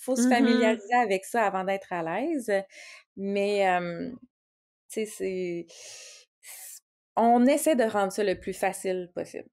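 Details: Stuttering in an adult woman who is a speech-language pathologist and a person who stutters, speaking Quebec French.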